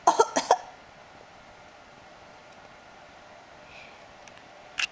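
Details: A quick burst of three coughs, then quiet room noise and a faint final cough from a child.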